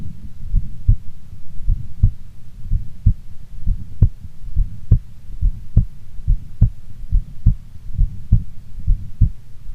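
Steady, regular low thumps at about 70 beats a minute over a soft hum; an ordinary resting heartbeat.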